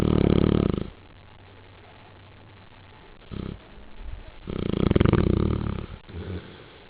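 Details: Sleeping Neapolitan Mastiff dog snoring: loud, deep, rattling snores with quieter snorting breaths between.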